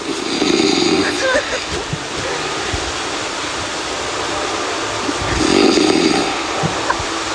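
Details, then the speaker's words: Home recording of a man's habitual snoring, a milder night: two rough, rumbling inspiratory snores about five seconds apart over steady background hiss; someone asks if he is still breathing between snores. "严重打呼，甚至申请残障手册。"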